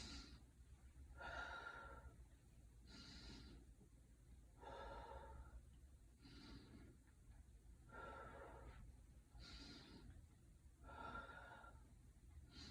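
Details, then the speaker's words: Normal breath sounds on auscultation of the posterior thorax, starting at the apex, during a head-to-toe assessment: slow, steady deep breaths with smooth airflow and no wheezes or crackles. "uh okay so there is no wheezes there is no crackles there is no bruise"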